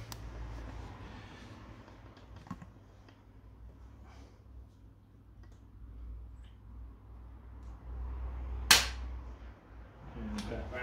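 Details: One sharp snapping click, with softer taps around it, from an Activator V spring-loaded chiropractic adjusting tool during an Activator Method scan and adjustment of a patient with stiff right shoulder and knee; quiet room.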